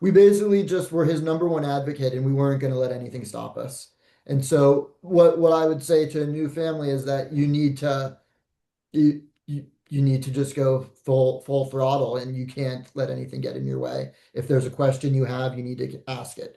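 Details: Adult man speaking; normal speech.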